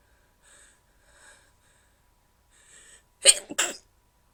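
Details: Deliberately stifled sneezes recorded after heavy cleaning and organizing; hard to stifle: soft, muffled nasal bursts, then a louder double sneeze that came out less suppressed.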